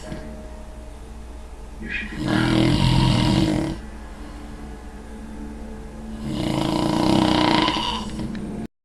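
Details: Man snoring during an afternoon nap: two loud, rattling inhaled snores about four seconds apart, roughly 14 breaths a minute, faint steady hum behind.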